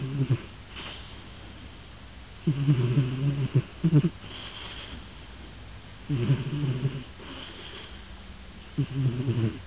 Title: A cat snoring